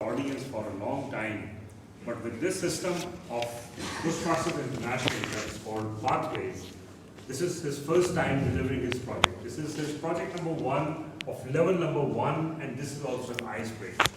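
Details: Adult man; normal fluent speech.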